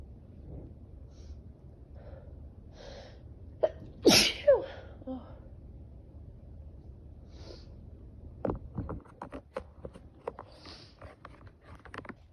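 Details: Sharp inward build-up breaths then one forceful sneeze, followed by small sniffs and clicks; allergic sneezing triggered by a client's pets, no allergy medication taken.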